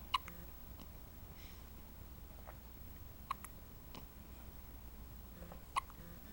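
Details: Ordinary hiccups in a 9-day-old newborn baby: three soft, sharp hiccup sounds spaced a few seconds apart in a quiet room.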